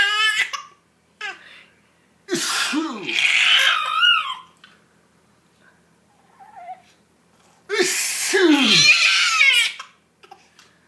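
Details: A father's sneezes: two loud, forceful adult sneezes with a hissing burst, each followed by his infant son's giggling laughter.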